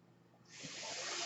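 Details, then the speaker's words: Mechanical ventilator airflow noise heard in the background while a man who uses a ventilator speaks. "That noise you're hearing is my ventilator, and thank you for tuning in."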